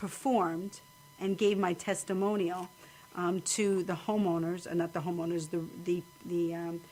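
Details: Woman with aphasia after a stroke at age 26, recorded after a long recovery and still having difficulty speaking to people; aphasia.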